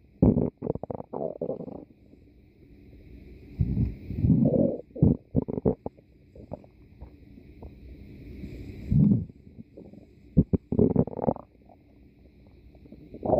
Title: stomach growl in 5 minutes ( lupi y baduki)